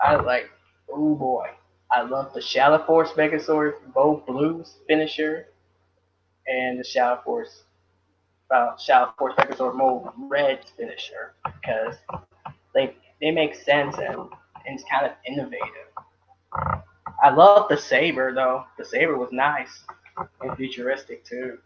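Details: Adult male speaker; normal speech.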